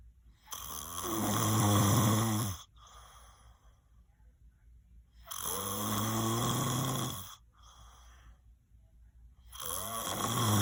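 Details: Person who claims not to snore, recorded asleep: loud, rattling snores on each breath in, about 13 a minute, with quiet pauses between; ordinary heavy snoring.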